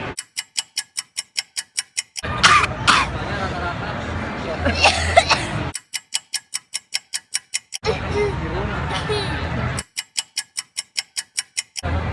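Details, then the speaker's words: Simulated coughing: an adult acts out coughing bursts imitating six types of people who cough, between stretches of fast ticking music. "Jadi hari ini aku mau nunjukin tipe-tipe orang batuk."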